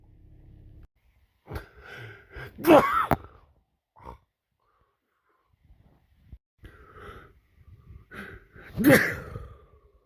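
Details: Sneezing: two loud sneezes, each a quick breath in then a forceful burst out, with a short pause between.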